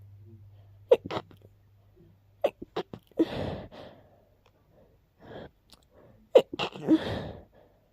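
A short run of about three sharp sneezes, each with a quick inhaled lead-in, separated by quiet pauses: a brief sneezing fit.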